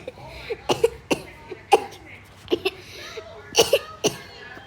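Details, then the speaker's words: Several short, sharp coughs mixed with tapping noises and brief vocal sounds, during a tapping-sound recording; the speaker apologizes for coughing. "sorry i got the sorry i got a cop"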